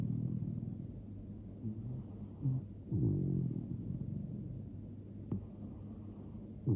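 Low, rumbling, rattly breathing noises in a sleeping dog, with a high electronic tone in the background. Dog snoring.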